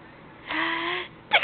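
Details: 2-month-old baby boy in a bouncy seat, smiling, with a drawn-out coo and then an abrupt, sharp gasp-like sound; hiccups.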